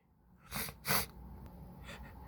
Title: Allergy sneezing with intense build ups.